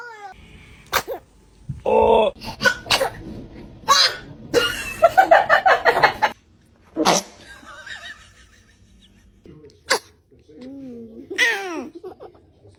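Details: Several small, sharp repeated sneezes from a newborn baby, with an adult saying "bless you" and laughing in between.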